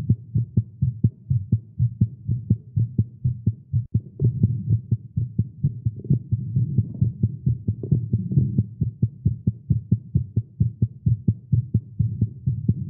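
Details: Male's fast, strong thumping heartbeat around 130 beats a minute, slightly uneven spacing, recorded live after exercising with caffeine; tagged irregular heartbeat; rapid heartbeat.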